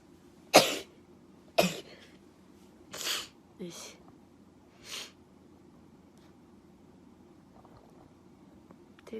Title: (STU48) くしゃみ＆咳き込む